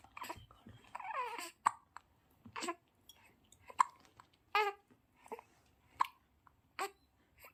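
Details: Newborn baby boy's first hiccups: short, sharp, evenly spaced hiccup sounds about one per second, with a few soft fussy noises; infant hiccups.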